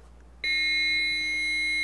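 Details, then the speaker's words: Training AED demonstration after pads placed and shock advised: steady high electronic charging tone starting abruptly and holding, with voice prompts to stand clear before the shock. "analyzing Rhythm stand clear everyone stand clear okay shock advised charging everyone stand pleas"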